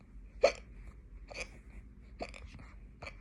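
Four short, abrupt hiccup sounds over low background hum. Hiccups.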